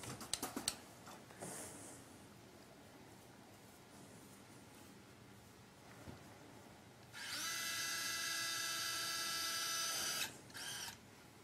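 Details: High whining drill runs about three seconds then a short burst, after a few clicks and quiet room noise; surgical bone drilling during primary polytrauma fixation.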